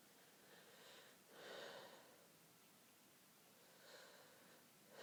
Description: lots more sneezes, all stifled or half stifled.......